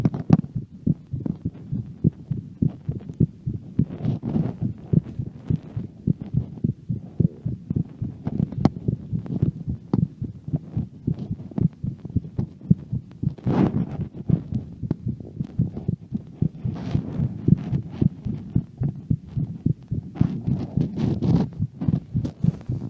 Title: heart sound during walking around at home